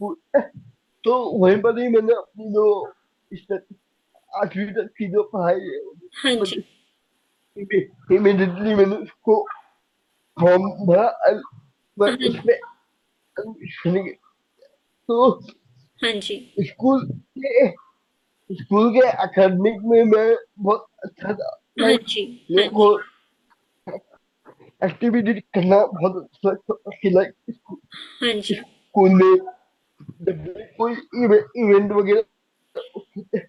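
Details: Young adult man with cerebral palsy diagnosed at age 2, unable to speak as a child and still needing double effort to speak clearly; dysarthria (cerebral palsy).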